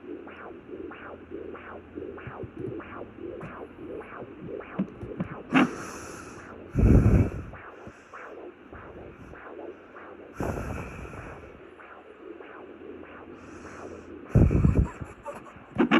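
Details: A 27-year-old pregnant after a stillbirth, between 12 and 18 weeks, uses a home Doppler. Fast, regular whooshing pulses around 150 a minute: a fetal heartbeat.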